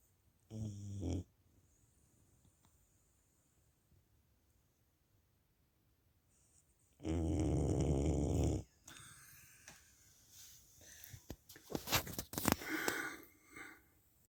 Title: Hund schnarcht / dog snores